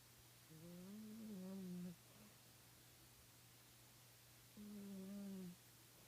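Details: Sleeping cat snoring while sleeping with eyes open; two soft, tonal, humming snores about four seconds apart over a steady low background hum; snoring.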